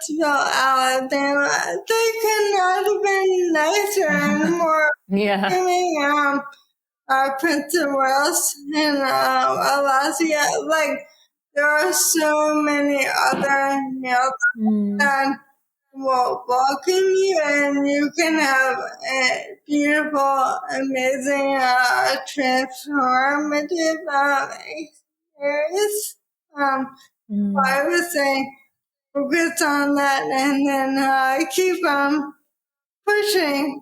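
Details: Woman diagnosed with probable ALS in 2014 at age 33, about ten years earlier, with rapid early progression; she reports her voice is slower and harder to understand; dysarthria (ALS).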